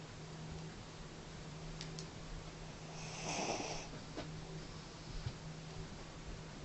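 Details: A dog snoring in its sleep at night: one soft snorting snore over steady room noise.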